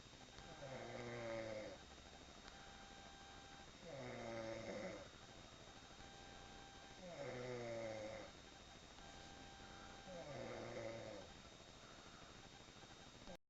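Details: Sister asleep snoring: regular rattling snores on each breath, about 19 a minute, with quiet pauses between.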